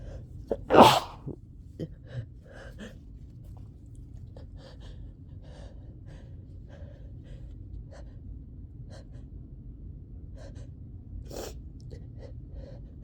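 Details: One forceful, explosive sneeze after a sharp intake of breath, then quiet sniffing and snorting breaths and panting, from a person with a summer cold sneezing repeatedly; sneezing.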